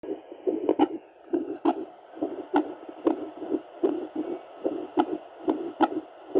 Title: Original sound if heart with doppler